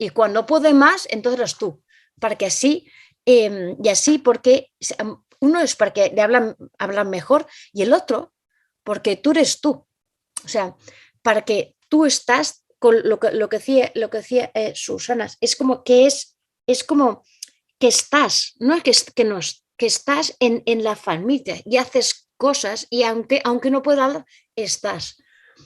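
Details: Spanish-speaking woman with aphasia for about two to three years after a stroke, with word-finding difficulty, repetitions and paraphasias, relying on phone photos and family to communicate; non-fluent aphasia.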